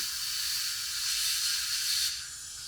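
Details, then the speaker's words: Steady loud hiss of a dental water spray rinsing etchant off tooth enamel after 20–30 seconds of etching, before bonding attachments for clear aligners; the hiss then tapers off. "20 or 30 seconds is adequate to open up the enamel rods. So we'll rinse that, get it totally clean."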